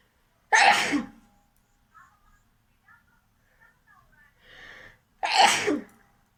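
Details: Two forceful sneezes a few seconds apart, with faint sniffing and a brief nose blow between them, performed for a sneezing and nose-blowing challenge video; sneezing.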